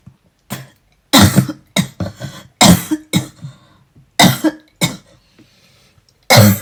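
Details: An adult with asthma and a cold coughs persistently while brushing teeth: about eight harsh coughs in under seven seconds with short pauses, an uncontrollable coughing fit recorded while unwell.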